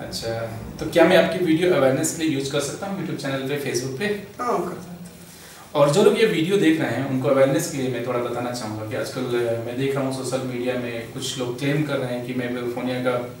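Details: Adult man speaking Hindi; normal adult male speech.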